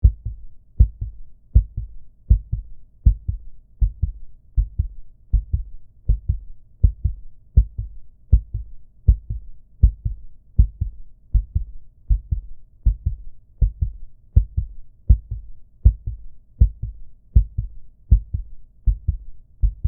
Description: This simple heartbeat sound comes in handy for people who just got a new pet, like a puppy, or kitten.